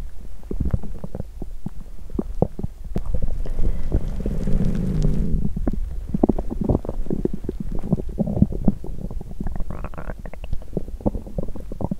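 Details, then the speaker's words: Loud bowel sounds (borborygmi) on an empty stomach after exercising: frequent low gurgles, pops and a drawn-out rumbling growl; ordinary hunger growling. "Tôi sẽ thử khi tôi không đói 🍑! Âm thanh réo rắt của dạ dày tôi tiếp tục một lúc ♪"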